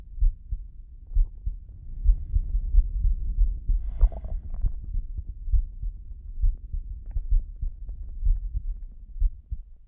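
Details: Slow heartbeat with heavy breathing: low, dull heart thumps at about 65 beats a minute, fairly steady, with some low rumbling noise.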